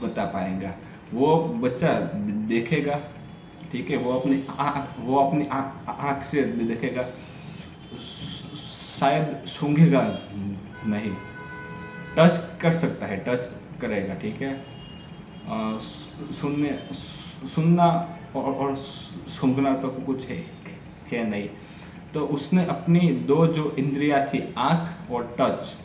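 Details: Adult man with a stammer doing story-telling practice in Hindi on day 6 of a daily stammering practice routine; repetitions and revisions are heard; stuttering.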